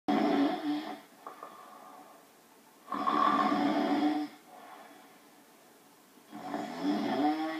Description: Pet Gorilla Snoring - how does anybody get any sleep!!